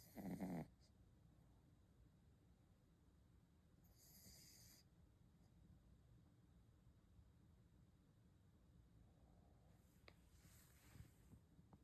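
A single loud, snorting snore at the start, then quiet breathing with faint hiss: a sleeping dog snoring.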